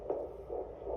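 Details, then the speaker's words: Fetal heartbeat on external Doppler: rapid, regular whooshing pulses, about 150 beats per minute. "So is that the heartbeat of a boy or a girl?"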